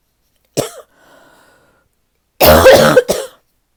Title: #5 - this might be my deepest barking cough yet